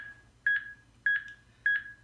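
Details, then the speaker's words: Simulated AED training demonstration on a live volunteer acting as the patient, with no real arrest: steady electronic prompt beeps, about 100 a minute, pace CPR chest compressions after a no-shock analysis, before the device re-analyzes. "eventually it's gonna tell us that it's gonna want to analyze again to make sure that he still has a pulse"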